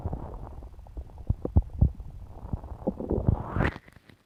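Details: Irregular low gurgles, squelches and rumbling pops from a woman's belly after eating pizza, ending in a rising gurgling squeal; bowel sounds (borborygmi).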